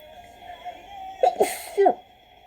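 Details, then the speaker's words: Japanese young woman with an itchy, runny nose: quick intake of breath, then a sharp high-pitched sneeze with a soft voiced tail, deliberately induced, over faint background music. "そんなになら頑張ってくしゃみ出しちゃいます。もうこのさ入れる瞬間がさちょっとさやだ。"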